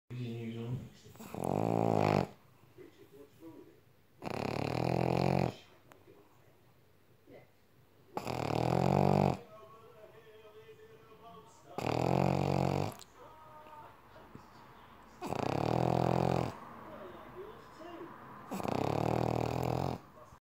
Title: Hear me snore! So funny